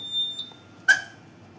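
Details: CARESCAPE R860 ventilator switched on with its rear power switch at the start of a hospital pre-check: a steady high-pitched electronic beep, then a brief sharp burst; a normal start-up tone.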